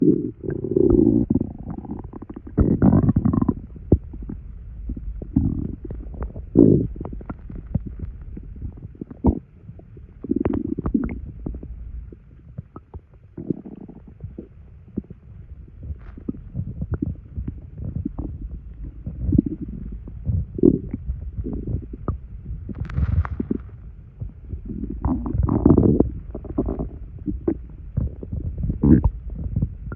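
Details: Stomach gurgling in a male after drinking two sodas' worth of carbonated liquid: frequent low gurgles, bubbling and squelching rumbles from gas and fluid moving, i.e. bowel sounds.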